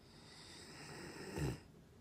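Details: A sleeping dog that recently started snoring very loudly: snoring.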